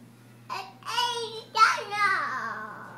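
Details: Speech of a profoundly deaf boy just turned three with bilateral cochlear implants (Nucleus Freedom) from simultaneous surgery, hearing about 2 years with the right implant and 22 months bilaterally.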